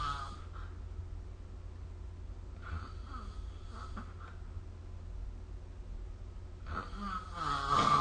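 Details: Adult snoring recorded with the SnoreLab app in a small room: rough, rattling snores on the in-breaths with quiet gaps between them.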